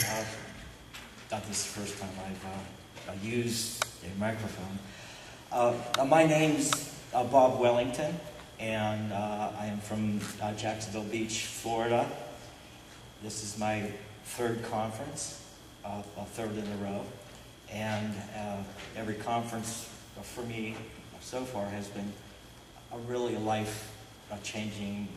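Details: Adult man who stutters, describing himself as stuttering openly rather than covertly; stuttering.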